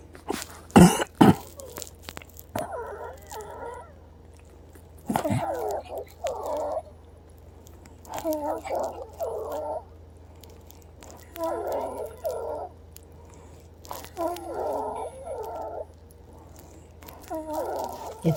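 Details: Female patient wheezing again despite a nebulizer treatment with Pulmicort and DuoNeb around 10 PM that may have been weak from low electrical voltage: noisy, whistling breaths about every three seconds, sounding awful.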